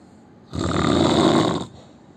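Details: Indian man asleep gives one loud, rough, rattling snore lasting just over a second on a breath in; heavy snoring.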